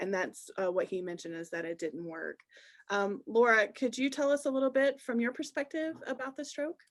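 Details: Adult woman speaking; normal speech.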